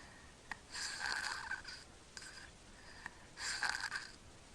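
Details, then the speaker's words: Sleeping infant who snores and holds his breath, gasping for air after breaths that were not getting anything into his lungs. Finding: obstructed snoring breaths (obstructive sleep apnea). "okay there he goes saw that no he's gasping for air the breath they took beforehand he was actually not getting anything into his lungs"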